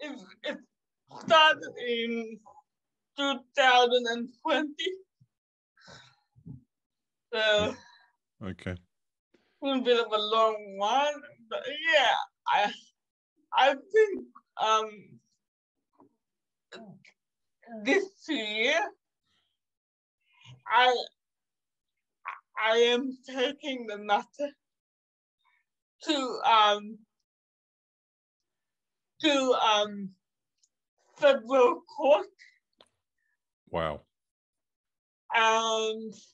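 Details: 27-year-old woman with cerebral palsy caused by severe neonatal jaundice; doctors predicted in childhood she would never walk or talk; she says it makes her sometimes speak and move differently; dysarthria.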